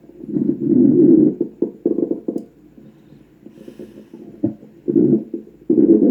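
Loud, low rumbling and gurgling surges from the gut with quieter gaps, typical stomach growling.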